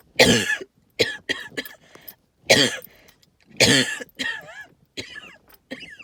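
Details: Wheezing with some hacking cough: several harsh hacking coughs, then high-pitched wavering whistling breaths from narrowed airways; tree pollen and mold spores noted.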